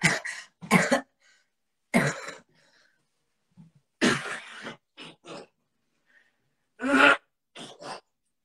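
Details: An adult singing during a live stream coughs in a run of about eight short, harsh bursts with some throat clearing in a small room. Cough.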